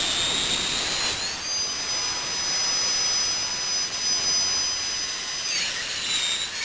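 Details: Dentist's drill sound-effect recording: a high-pitched steady whine that rises as the drill spins up and falls as it slows.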